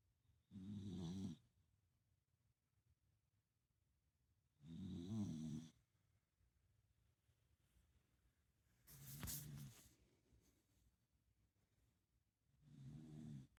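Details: Ordinary snoring: low rumbling snores on each breath in, about 15 a minute, in a quiet room.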